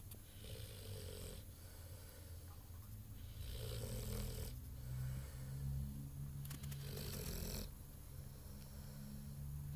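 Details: Low, rumbling snores with a rough, airy edge on each breath, about 18 a minute, from a sleeping 8-month-old Ultimate Mastiff dog.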